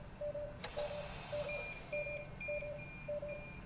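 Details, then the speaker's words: VV ECMO clinical scenario with hypovolemia and falling saturations: repeating two-tone electronic console alarm, about six beeps in under four seconds, as pump RPMs max out after flow was raised toward five liters. "okay now it's starting to alarm because i'm maxing out on my on your rpms right so let's go ahead and silence the alarm"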